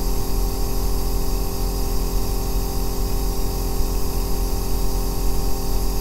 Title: The Deep Bass Aerosol Nebulizer sound that cured my insomnia | O melhor Ruído Branco para Dormir